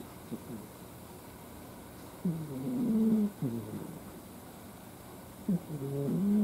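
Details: Sleeping cat makes low, rattling, somewhat whistly snores on each breath over steady room noise; snoring.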